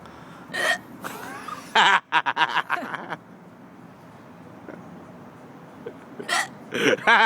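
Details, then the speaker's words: Several abrupt, sharp voiced hiccup catches with laughter and talk around them; repeated hiccups. "yeah yeah mad hiccups [ __ ] it though"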